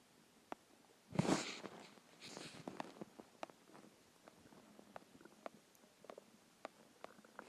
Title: Hungry stomach growls and noises (part 2)